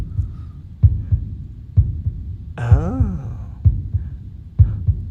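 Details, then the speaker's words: Regular lub-dub heartbeat at about 64 beats a minute with a brief voice over it; normal heart sounds, played as an example in an improvised comedy podcast. "so that's what a heartbeat should sound like"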